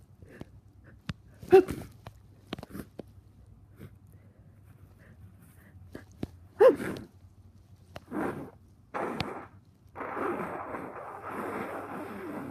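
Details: Adult with a cold, walking around while recording: quiet sniffs without nose-blowing and a few muffled sneezes deliberately held back, against rustling and outdoor noise; stifled sneezing.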